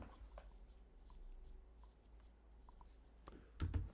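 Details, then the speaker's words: Speaker reports a little double click of the jaw: quiet room with faint ticks ending in two sharp clicks close together, a double jaw click of the temporomandibular joint (TMJ). "Click. Your jaw snaps like a loose hinge. This is often a quirk of the tempermandibular joint, TMJ, which connects your jaw to your skull."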